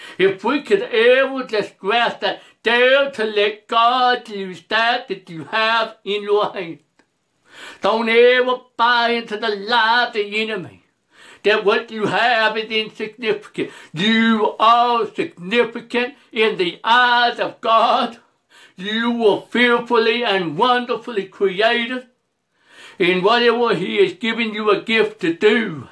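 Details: Adult male preacher who reports a speech impediment, impaired vision and poor hearing; speech impediment.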